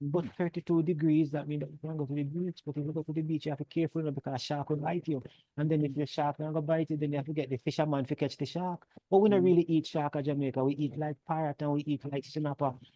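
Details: Psychiatrist acting out (simulated, not a patient) flight of ideas, jumping between unrelated topics in answer to a simple question; flight of ideas.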